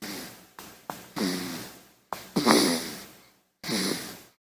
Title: Baby Snoring - Sound Effects